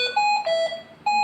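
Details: Hamilton C-3 ventilator alarm during a demonstration of a stiff-lung setting: a repeating pattern of clear electronic tones rising and falling in pitch.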